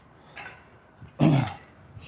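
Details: During equine chiropractic adjustments, a single short, rough guttural burst follows a faint lower sound, like a throat being cleared.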